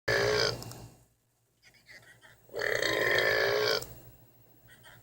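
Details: Two long, loud, rumbling burps separated by a short pause, with a little grunting after; burping.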